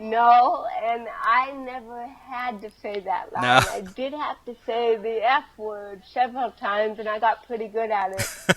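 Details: Adult woman with cerebral palsy since birth, also hearing impaired and wearing hearing aids, speaking in an interview; dysarthric speech in cerebral palsy.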